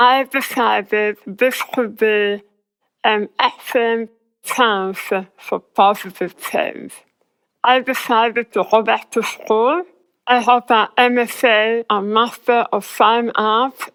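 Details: Adult woman whose tongue was removed and reconstructed; a student says she can't speak that well; articulation disorder after glossectomy.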